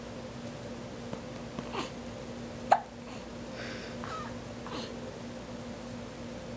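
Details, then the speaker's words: Infant boy with a hiccup bout: a few soft, brief hiccups, one sharper midway, over quiet room noise, adults commenting it sounds like a chicken. "That sounds like a chicken. Cluck, cluck. Kinda. So inconsistent. You're really going good there for a while. Oh wow. That was a good one."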